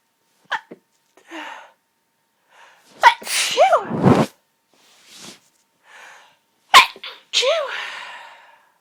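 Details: Two forceful sneezes, each after a sharp in-breath, plus quieter sniffs, within a run of itchy, tickly allergy sneezes in a person whose pollen allergy is also causing coughing.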